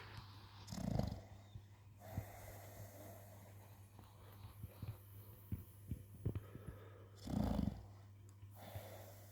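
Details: American Bully pocket dog sleeping soundly: two low, rumbling snorting breaths about six seconds apart with soft sniffles between, over a steady hum; dog snoring.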